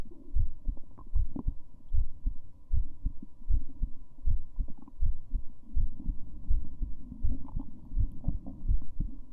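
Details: Female heartbeat, steady low double thumps at about 80 beats a minute with a faint steady hum behind; normal heartbeat.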